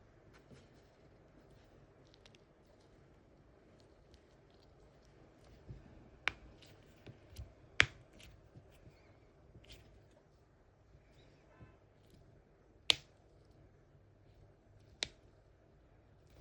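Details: Four sharp, isolated cracks with a few softer pops in a quiet room: knuckle cracking, a harmless release of gas from the finger joints.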